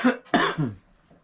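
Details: Two quick, harsh coughs in a row from an adult who coughs a lot during a podcast conversation; cough.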